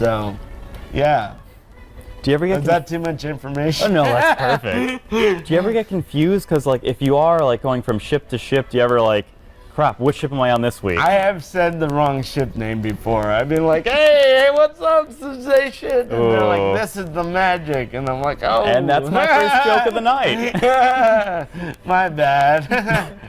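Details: Adult man born with cerebral palsy, who says he sounds a little different because of it; dysarthria (cerebral palsy).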